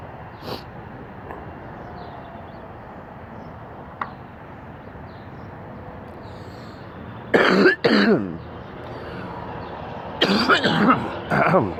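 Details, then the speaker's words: Adult, morning at work playing correspondence chess; steady background hum, then throat clearing and a short run of productive coughs, says he has to cough something up, then feels a little better. "Excuse me. Hang on, I gotta cough something up. That's a little better."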